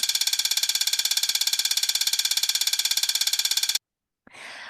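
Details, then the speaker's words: Simulated bat heartbeat during flight, rising from resting rate to about 1,000 beats per minute within 1–2 seconds: very fast, regular ticking pulses, then silence and a brief rustle; bat heart rate during flight. "So when they're doing something strenuous like flying, their heart rate gets up to 1,000 beats per minute. And it not only gets up to 1,000 beats per minute, this change happens within 1 to 2 seconds."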